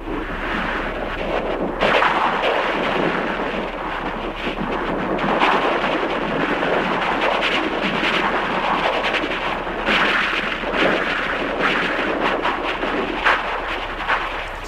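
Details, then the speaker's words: Computer simulation of music as heard through a cochlear implant: harsh, noisy, mechanical Dalek-like sound, with rhythm and tempo preserved but no recognisable melody. "The rhythm and the tempo of the music are there, but what's missing is the melody. It's a very sort of mechanical, almost sort of Dalek-like sound."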